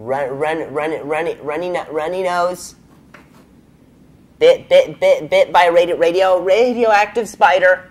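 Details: Adult male comedian with a stutter, reporting feeling a little sick that day; stuttering.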